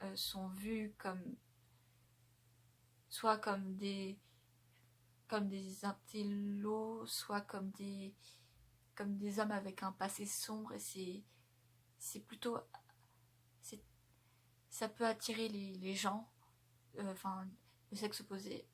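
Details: Adult woman who stutters, her stuttering masked by speaking slowly and pausing, so relatively light or invisible, which she links to autism (Asperger's); stuttering (mild, masked).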